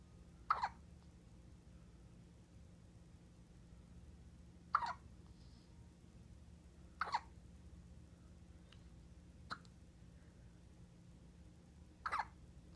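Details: One-week-old baby with five sharp, squeaky hiccups at irregular intervals over about 13 seconds, against quiet room noise; ordinary hiccups.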